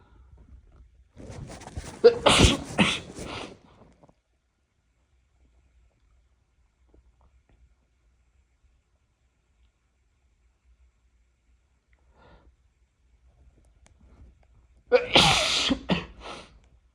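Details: Two loud, explosive sneezes, each with a short build-up and separated by a long quiet gap. The sneezer describes an unusual tickle and is unsure whether they are sick. Sneezing.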